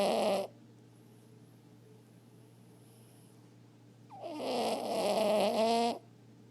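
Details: Sleeping small chihuahua-mix dog, recently adopted stray, snoring: two rough, rattling breaths separated by a quiet gap over a low steady hum.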